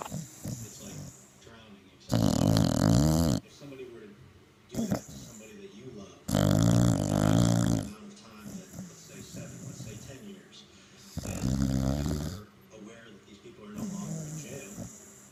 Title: Happy snoring